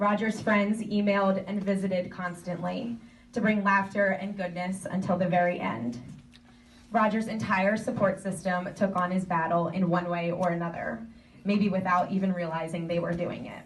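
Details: Adult woman speaking; ordinary speech.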